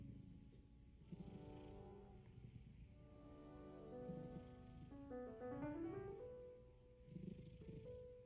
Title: My cat snoring for 15 minutes :)